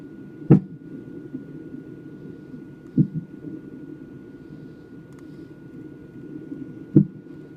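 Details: Fetal hiccups caught on a non-stress test (NST) monitor: three sharp, isolated thumps over a steady monitor whoosh and hum; a normal finding.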